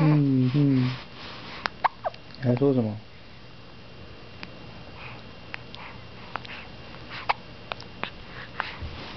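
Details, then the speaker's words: Endless hiccups, recorded 7/6/08: brief voiced sounds, then a series of quiet, sharp clicks at irregular intervals over faint room noise; hiccups. "大哥，大哥，一直在打嗝。"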